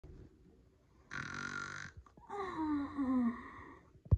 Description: This is Percy snoring.